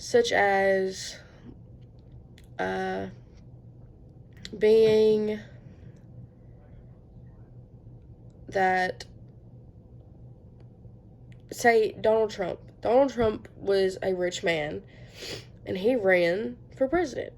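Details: Female student giving a school presentation who self-reports a stutter, real stuttering.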